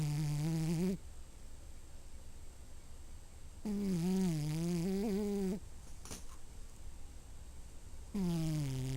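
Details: Sleeping pet cat whose night-time snoring wakes her owners: loud droning snores in long stretches separated by quiet pauses, about 14 breaths a minute, before she is woken; snoring.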